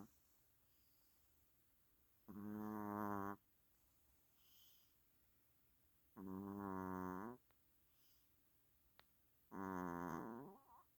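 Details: Sleeping Chihuahua snoring: three long, rumbling, droning snores about four seconds apart, roughly 17 per minute, with quiet pauses between; ordinary loud snoring.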